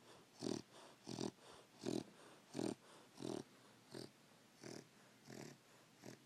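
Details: Sleeping dog giving rhythmic snorting snores, about 86 rough bursts a minute, with softer noisy breaths between them in a quiet room: snoring.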